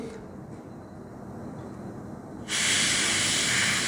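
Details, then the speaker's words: Dental water spray washing blue etchant completely off a tooth during composite filling placement: quiet room hiss, then sudden loud steady spray hiss. "that's what we do it then we wash it we wash the etching completely"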